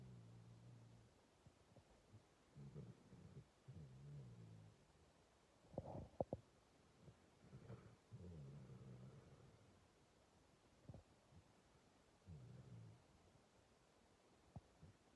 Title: Panda the Dalmatian snoring